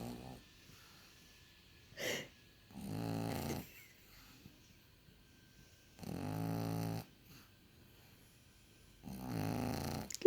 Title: Pug horlaması - pug snoring -